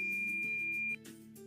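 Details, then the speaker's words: Completion beep of an electronic thermometer during rectal temperature measurement in an adult, probe inserted about 2–3 cm: a steady high electronic tone lasting about a second over soft music. "insert the probe into the client's rectum for adults about two to three centimeters or one inch hold the device in place until the device beeps"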